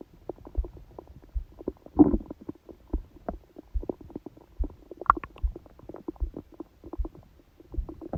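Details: Stomach growling recorded during sleep by a phone held on the abdomen under a book: irregular gurgling pops and short rumbles with one louder gurgle; borborygmi.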